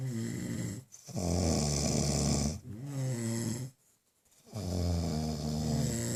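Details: Loud, long, rumbling snores with brief pauses between breaths from two people: heavy snoring during sleep.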